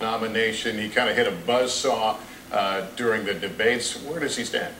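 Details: Adult male news commentator; typical speech.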